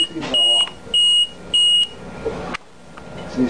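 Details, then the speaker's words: LP10 ventilator demonstration on a simulated lung with the high-pressure limit set at 60 and the low-pressure limit at 10: three repeated high-pitched alarm beeps over speech, a ventilator high-pressure alarm. "I set the high pressure I got at 75 I think here is at 60 this is a 60 okay we set 60 then okay now it's high pressure that's his lungs is not this stiff okay because it's going to high pressure 60"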